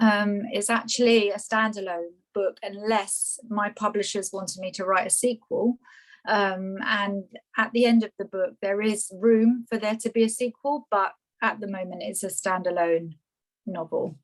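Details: Adult woman speaking; Normal speech.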